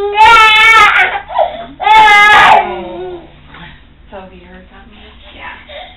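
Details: Infant boy at the first activation of his cochlear implant, never having heard before, level slowly raised from very low: two loud wailing cry bursts, then softer whimpers in a quiet room.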